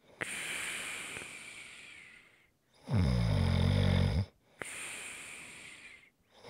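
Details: Snoring recorded as ASMR relaxation audio: buzzing, vibrating snore on one breath between long airy breaths with brief silent gaps; ordinary snoring.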